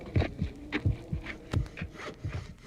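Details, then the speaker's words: Heartbeat recording in a podcast segment on the golden record's sounds of Earth: regular low paired thumps, roughly 80 a minute, with faint background sounds; a normal heart rhythm. "El canto de las ballenas, la risa, el latido del corazón y el ritmo de unos pasos."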